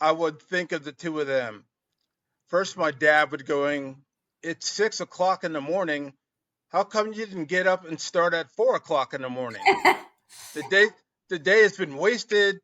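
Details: Adult man 12 years after an ischemic stroke, with slurred speech and lower volume when tired in the evening; a speech therapist suggested possible dysphasia; aphasia.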